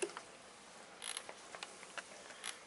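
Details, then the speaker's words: Quiet, irregular mechanical ticks and clicks from an infusion pump started together with a flow test on a Fluke IDA-1S infusion device analyzer, water dripping into a beaker; infusion pump running. "So, at this point all, we need to do now, I'm going to start my infusion device and I'm going to start the test at the same time."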